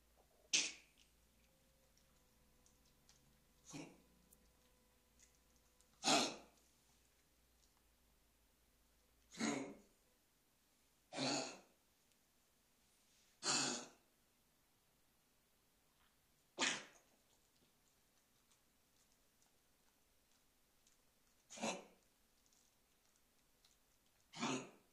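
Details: A dog coughing on the day its cough began: nine short, dry, isolated coughs spaced a few seconds apart in a quiet room.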